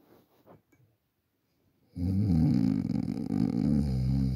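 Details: Person asleep at night snoring, recorded on a Samsung Galaxy A40 phone for ASMR; a few soft sounds, a brief silence, then a loud, long, fluttering throat snore.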